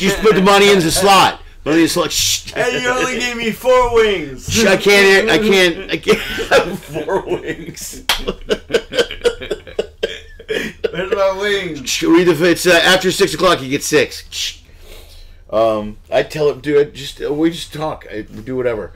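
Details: Adult male speaker; Typical speech.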